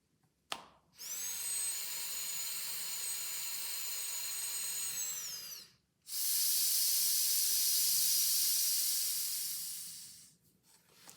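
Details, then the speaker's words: Breathing through The Breather with inhale and exhale dials both at setting 2, upright posture: two long steady hissing breaths, one in and one blown out against resistance, faint whistle on the first; inspiratory and expiratory muscle training. "all I'm thinking on the exhale is blow out against the resistance without flexing"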